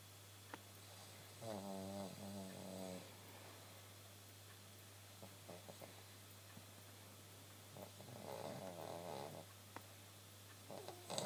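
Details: Adult woman snoring in her sleep at night (1:15 am), said to happen every night: soft, irregular throaty snores over a steady room hum; snoring.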